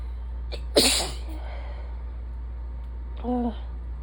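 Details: Single sharp, explosive sneeze with a brief voiced sound during an allergy attack, in someone with days of stuffy nose, sore throat and chest symptoms waxing and waning with pollen; recorded expecting an asthma attack; sneezing.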